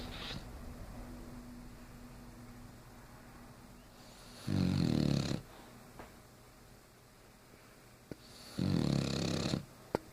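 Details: Female dog asleep, snoring: two loud, rough, rumbling snores on slow breaths in a quiet room; snoring.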